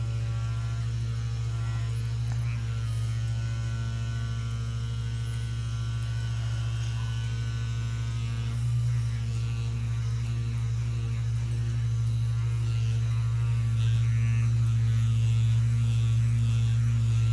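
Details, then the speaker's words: Percussive vibration massage device used during a manual therapy and chiropractic session on a very large, long-tense man, working the fascia by waves, vibration and percussion: steady low motor buzz and deep drone, intensifying slightly at the end. "彼には、波動、振動、打撃を通じて筋膜全体に作用するタイプの機械を使用します。ここでは、筋膜が下まで完全にリリースされます。"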